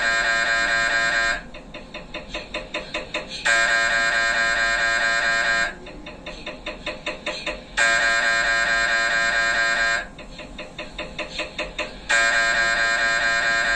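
Loud mechanical tones alternating with rapid knocking pulses in repeating blocks, the typical noise of an MRI scanner running imaging sequences.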